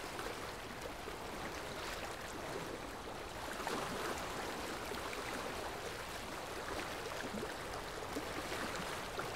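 Steady hiss and gurgle of water spray and suction during ultrasonic dental scaling to remove tartar.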